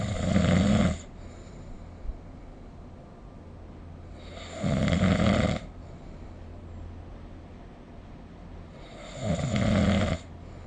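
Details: Snoring recorded with the SnoreLab app: three loud, rough, rattling snores about every 4.5 seconds (around 13 a minute) over a low steady room hum.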